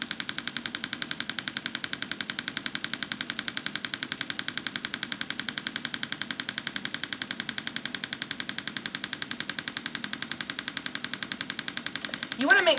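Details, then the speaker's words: Rapid, steady mechanical clicking pulses from a pulse wave (shockwave) therapy device moved slowly over the wrist and carpal tunnel, flexor retinaculum, treating carpal tunnel syndrome and wrist pain. "so this is going to make a clicking noise during the treatment and so here we want to move very slowly through the treatment area to affect the tissues involved"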